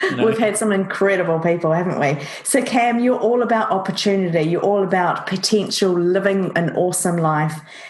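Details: Adult woman speaking; Normal fluent speech.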